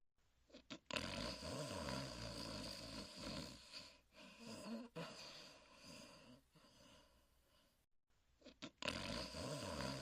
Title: Fafa the Explorer: Huckleberry Hound Sleeping & Snoring